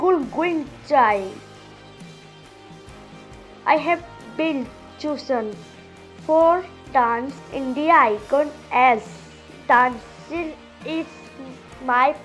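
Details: Speech of a young girl deaf since birth who now hears with a cochlear implant; speech of a child with a cochlear implant.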